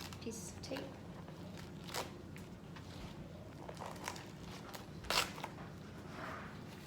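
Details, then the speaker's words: IV saline lock removal by a nursing student: faint crinkling and short tearing sounds as the dressing tape is peeled back toward the insertion site while the catheter is stabilized. "begin pulling back the um tag a during dressing towards the side of insertion and take off these tape"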